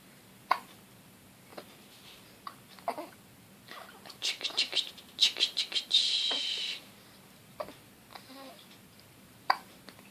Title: Baby girl 2 weeks old hiccup